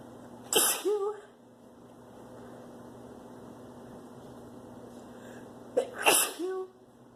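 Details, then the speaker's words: Woman sneezing from spring flower pollen allergy: two sharp sneezes, each with a quick in-breath and a voiced burst, about five seconds apart. "I'm gonna excuse it. I have to sneeze. Achoo."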